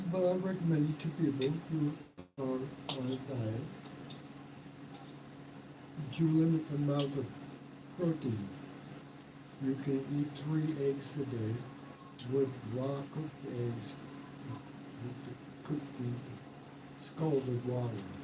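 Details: Aphasia after mild stroke in a man 115 days into self-therapy; restarts his sentence with hesitations.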